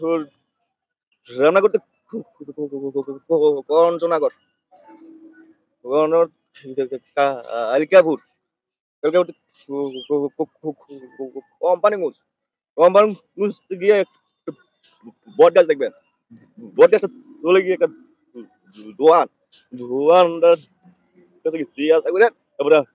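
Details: Acted stuttering by a man in a comedy skit, with word and syllable repetitions.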